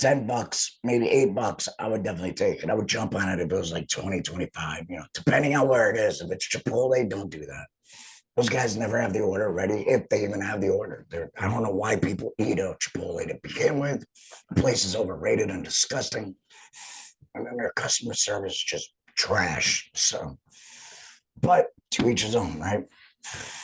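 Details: Adult male, about two and a half years after total laryngectomy for cancer treated with chemo and radiation, speaking with an alaryngeal voice and wearing an HME; heavy talking makes his stoma hurt; alaryngeal speech after total laryngectomy.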